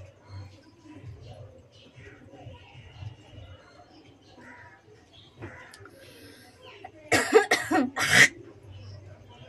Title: Coughing hocking spiting vlog